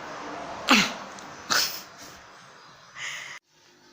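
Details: Two sharp, explosive bursts of air about a second apart, then a brief muffled puff: a student demonstrating sneezing into the inner upper sleeve when no mask or tissue is available, to prevent coronavirus spread.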